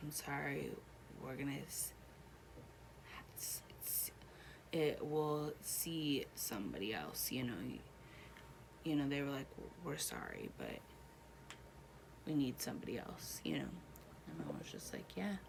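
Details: Adult woman one year after a stroke she links to H1N1 and a hole in her heart, right side affected; about five words in hospital, improved since, talking still difficult, reading and writing impaired; Broca's (non-fluent) aphasia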